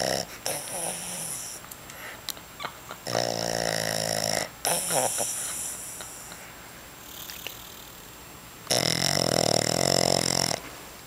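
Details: Loud, rough, rattling snores in bursts between quieter breaths, with some room noise; heavy snoring.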